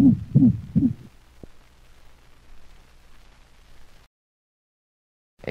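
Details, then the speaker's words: Dog heart auscultation: another variation of the systolic whoop, three loud musical hooting heart sounds varying in frequency, in atrioventricular (mitral) valve insufficiency. "the musical hoop varies in frequency and may alternate with the more common mixed holosystolic murmur of mitral insufficiency listen to another variation of the systolic hoop"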